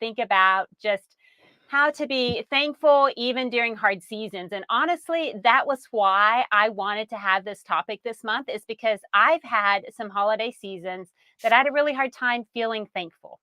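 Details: Adult woman speaking; Normal speech.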